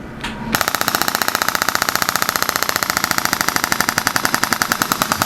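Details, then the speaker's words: Radial shockwave therapy applied through the spinal areas of the neck for neck pain and spinal ligament injury, at 10 Hz and tolerable pressure. A rapid, steady train of sharp clacking pulses. "we're actually going to be working the radial shock wave through the spinal areas with this unit right here"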